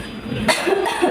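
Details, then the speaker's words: Short, harsh coughs with no phlegm rattle, acted in a nursing family-care role-play of a school-age child whose mother reports a persistent cough without phlegm; simulated dry cough. "Jadi anak saya ini masih batuk terus batuknya tuh enggak ada dahaknya gitu loh, Mbak. Jadi, kering gitu."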